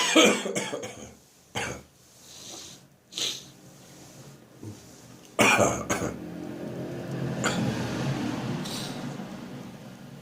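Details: Productive cough with gagging: harsh, wet coughs and throat-clearing with gagging strain, bringing up phlegm.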